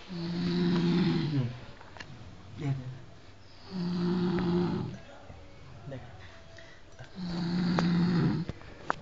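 Loud, low, rattling snores roughly every three to four seconds, with softer breaths out between them and faint room noise.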